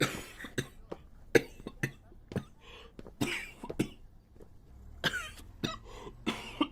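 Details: Japanese boy coughing: about a dozen short, sharp coughs in quick succession, some with a brief voiced tail.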